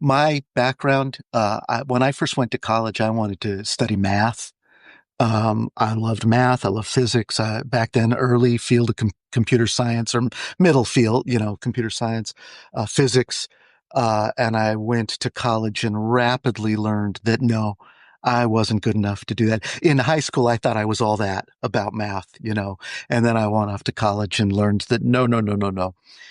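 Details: Adult man speaking; typical fluent speech.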